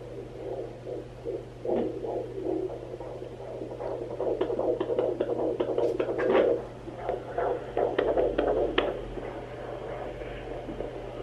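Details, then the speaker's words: Fetal heartbeat at 15 weeks of pregnancy on a home Sonoline B fetal Doppler: fast, soft whooshing pulses at about 150 a minute, faster than the mother's own, with hum and movement noise; baby found quickly near the midline. A normal fetal heartbeat. "so so I found the baby's heartbeat sooner than I expected - honestly that took me like two seconds so that tells me that baby is definitely growing big and strong and that is super exciting"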